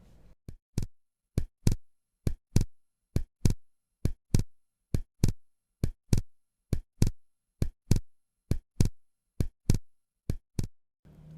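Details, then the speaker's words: Simulated heartbeat about 67 a minute with split second heart sound over the pulmonary artery area. "идентичное звучание будут и так расщепление второго тона на легочной артерии"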